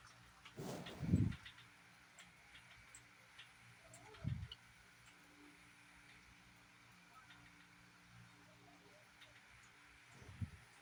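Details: Fetal hiccups inside the womb at 30 weeks of pregnancy.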